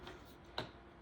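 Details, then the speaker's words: Paramedic demonstrating a LUCAS mechanical CPR device: holding the upper unit, pressing the yellow release ring and attaching it to the black bar of the back plate. A single sharp click confirms the claw clips have locked in place. "So the way to apply it to a patient, hold it as so, mash the ring, attach it to the black bar, and you will hear a clip."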